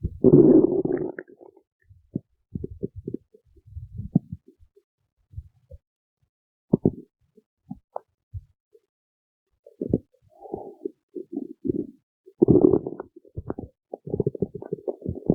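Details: Stomach growling (borborygmi): irregular low gurgles, rumbles and squeaks with quiet gaps, from gas and fluid moving through the gut.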